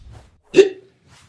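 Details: Staged comedy sketch in which a man has hiccups, likely acted: a single short, abrupt voiced catch in a quiet room; a hiccup.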